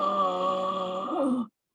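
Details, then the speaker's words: An imitation of an eight-year-old child's expiratory stridor: a prolonged, tonal, groaning noise on breathing out during sleep-time respiratory pauses, heard throughout each event and showing expiratory flow. "we were clearly convinced that the child was breathing out because there was excretory noise and an expiratory strider and it sounded like this"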